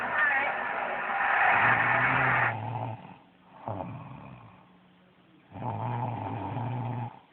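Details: Tired mother snoring while asleep, likened to a thunderstorm: loud, rough, rumbling breaths with quiet pauses between them; heavy snoring.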